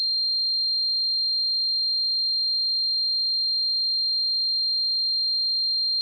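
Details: Simulated tinnitus sound effect: a steady, unbroken high-pitched tone throughout, imitating continuous tinnitus ringing.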